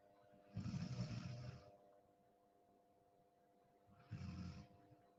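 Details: Person in deep sleep: two loud, rough, low rumbling breaths with a hissy edge, separated by a quiet pause, over steady appliance hum; snoring.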